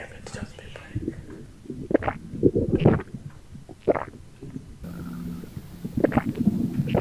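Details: Loud, irregular stomach gurgles and squelches, ordinary bowel sounds (borborygmi), from a pregnant woman's abdomen after drinking cola or Sprite.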